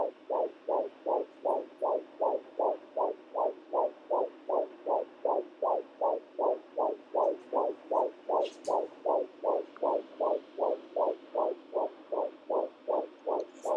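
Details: Fetal heartbeat at 14 weeks 1 day on a rented home Doppler: fast, steady whooshing at about 158 beats per minute, normal rate; heart rate always around 156–160 since the beginning.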